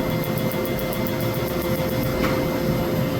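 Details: Second laser tattoo removal session on a chin tattoo: single snaps, then rapid regular snapping pulses about three or four a second over a steady machine hum and fan noise as the laser fires faster.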